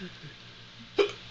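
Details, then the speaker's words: Adult hiccups, arriving unexpectedly in a series, the speaker noting one slightly hurt the ribs. "oh there's another one kind of hurt my ribs a little bit oh here it comes here it comes"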